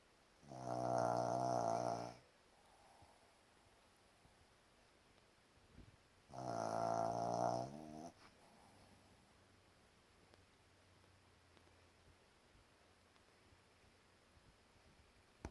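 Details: Two long, buzzing, tonal snores about six seconds apart in a quiet room from a sleeping dog.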